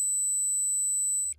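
Steady high-pitched ringing tone with a faint low hum, imitating ringing in the ears.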